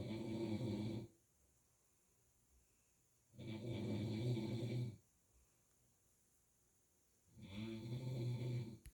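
Three low, rumbling snores on breathing in, with quiet pauses between, about 15 breaths a minute; steady snoring.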